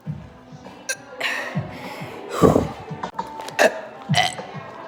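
Several deep, throaty belches over a few seconds, with music in the background; repeated burping.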